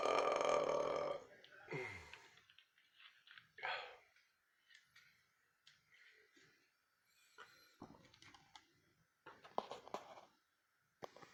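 One loud, long, throaty burp, then quieter gulping and clicking mouth sounds in a small room.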